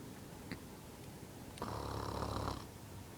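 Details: Single low vibrating snore lasting about a second over steady room noise; snoring.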